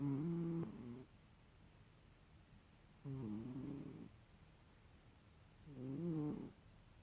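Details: Sleeping cat snoring: three soft, rattling snores with each breath, about 20 a minute.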